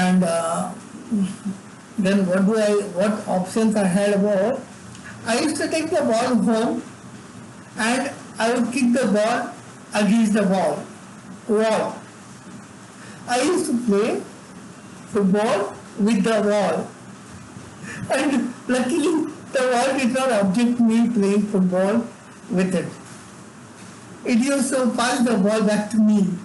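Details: Adult man with severe cerebral palsy from birth, involuntary tremors throughout his body, unable to walk or talk until age eight: dysarthria in cerebral palsy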